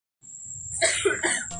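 A few short, bursty cough sounds from an adult, acted for a comedy skit, with a steady background whine.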